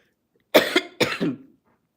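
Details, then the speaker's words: Adult woman with sinus problems, hoarse voice, giving two short throaty coughs, the second trailing off like a throat clear; cough. "that I coined sinus problems, y'all. [cough] I you can hear it in my voice."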